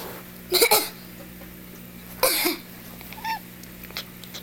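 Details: An adult gives two short, harsh cough bursts over a steady low hum, and the cat Applesauce chatters in response with faint chirping: cough.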